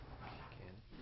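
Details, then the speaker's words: Patient says "99" while the posterior thorax is auscultated with the stethoscope diaphragm; the voice sounds louder and clearer than normal, bronchophony. "99 voice sounds that are louder and clearer than normal as in this example are called bronchophony"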